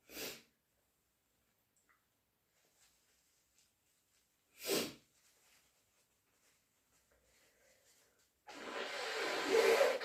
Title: Induced/natural cat allergy sneezes plus a blow